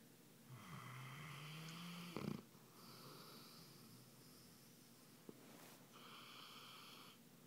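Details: Two sleepers snoring at the same time: rough, rattling breathing noises during sleep over steady room noise.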